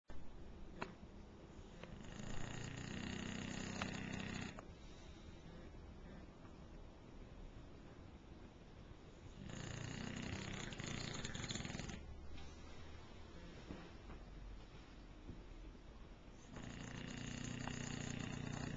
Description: Kwyjibo The Bulldog snoring on my bed in the morning